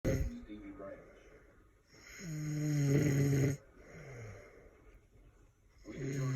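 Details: Man fallen asleep with a drink of liquor in hand while drinking: loud, low, rattling snores on breathing in, separated by quieter breaths out, with a TV voice in the background.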